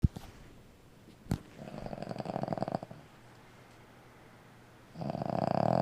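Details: An old female Boston Terrier asleep: rattling, fluttering snores on breaths, the second building loudly at the end; she snored louder in person than recorded; snoring.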